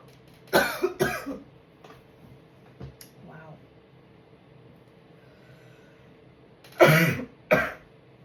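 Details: Sneezing, with one failed attempt: two pairs of sharp, explosive bursts separated by quiet room noise, fitting repeated sneezes.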